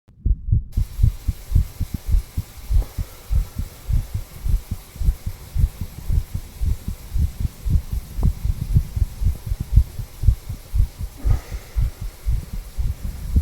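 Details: Normal heart sounds of a 34-year-old male through a stethoscope at the tricuspid valve area, lower left chest: steady low heartbeat thumps.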